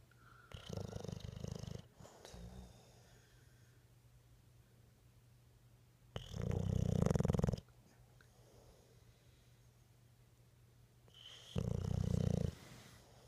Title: Bulldog Winston snoring